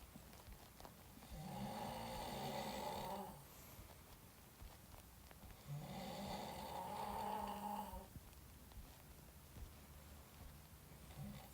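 Two long, loud rattling snores on the in-breath, separated by quieter breathing out, in a small room; ordinary loud snoring.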